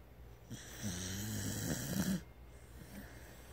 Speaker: I'm trying to capture snoring very loudly.